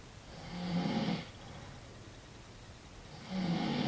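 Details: Man snoring, though he says he isn't asleep: two low, rattling snores on inward breaths with a quiet pause between them.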